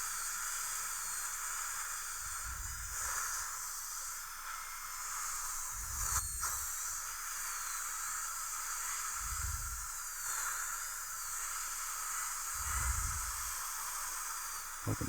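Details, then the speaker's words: High-speed dental handpiece with ultrafine diamond and water spray recontouring a young woman's maxillary central incisors before Lumineers veneers: steady high-pitched hiss with brief low bumps. "is ultrafine diamond but a lot of high speed water spray you're going to narrow these Central's open wide that's good"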